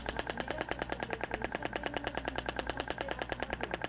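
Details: Rapid, steady sharp clacking pulses, about ten a second, with a low motor hum: the IBRAMED Thork shockwave device (max 200 mJ, single or sequential mode) firing during trigger point treatment in a practical training session.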